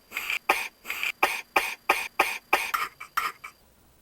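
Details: Rapid run of about eleven harsh coughs in four seconds, barely pausing, from an adult man with a bad cough who couldn't stop coughing: cough.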